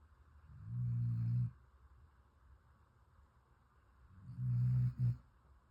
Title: Puppy Snores So Loud 😫 #snoringdog #sleepingdogs #spoileddog